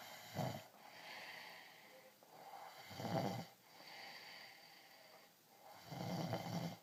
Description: my 2 year old nephew snoring